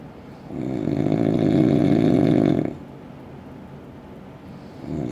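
One long, loud, vibrating snore lasting about two seconds, then quieter breathing and the start of another snore.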